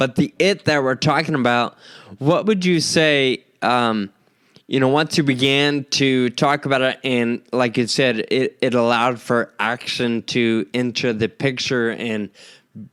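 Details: Adult man with Friedreich's ataxia diagnosed at age 25; the condition causes slurred speech that sounds drunk though he is not; ataxic dysarthria.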